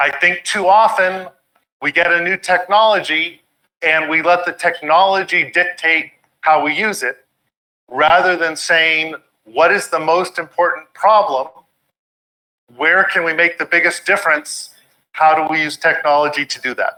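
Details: Adult speaker; normal speech.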